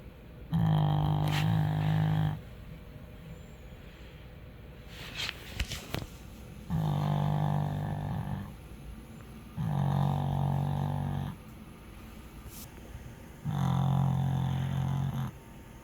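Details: Deep, rattling snores roughly every three to four seconds from a sleeping pug, with quieter breathing between them: dog snoring.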